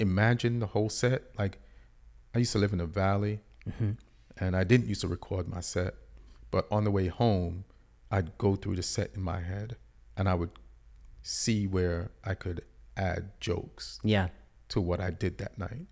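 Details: Adult male speaker; normal speech.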